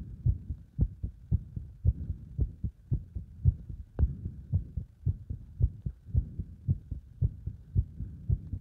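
Fast, regular two-part heartbeat at roughly 110 to 115 beats a minute, heard under exercise load.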